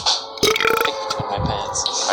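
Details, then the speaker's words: Deliberate loud burp: a loud, drawn-out burp with a rough, gurgling sound, with music and room noise behind it. "all right you ready for the biggest one you probably said no but i'm gonna do it anyways"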